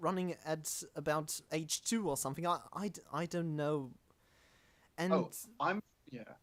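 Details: Real stuttering in a self-described stammering podcast host.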